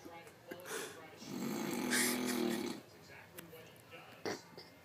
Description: My dad claims he doesn't snore when he sleeps so here's the proof.